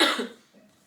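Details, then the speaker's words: Cough from a woman who has been coughing a lot lately and has a hoarse voice; a single sharp, fairly dry cough fading into room quiet. "On est samedi matin, j'ai la voix complètement cassée, parce que ça fait pas très longtemps que je me suis réveillée, et surtout parce que je tousse beaucoup en ce moment, du coup ma voix est complètement déglinguée."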